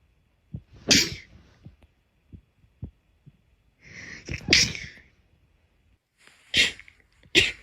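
Four explosive, hissing sneezes, some with a short breath drawn in first, separated by quiet pauses: repeated sneezing.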